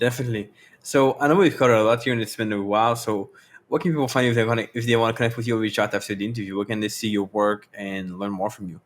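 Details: Adult male speaker; typical speech.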